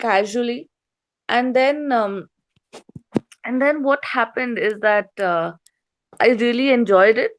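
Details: Adult woman, a stand-up comedian with a self-described stutter since growing up, reportedly stuttering more on stage than in conversation, performing on stage; stuttering.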